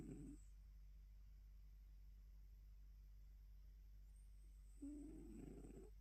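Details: Two soft, low rumbling snore breaths separated by a long quiet pause over low room hum: relaxed morning snoring in a sleeping female cat born around 2016.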